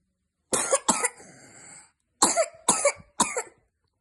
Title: 22/05/2024 Cough/swallow (#Asthma)